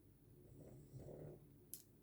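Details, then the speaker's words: Soft, low, rumbling snore swelling and fading in one breath, with a brief click near the end, from a sleeping female pet dog lying beside owner. "oh and if you can hear snoring that is snoring it's it's not me bottom buring burping my dog she never leaves my side"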